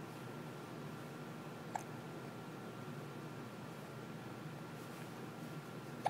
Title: Talking with the hiccups